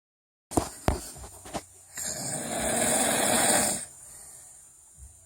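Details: A few short snorts, then one long, rough, rumbling breath sound from a snoring bear. Snoring.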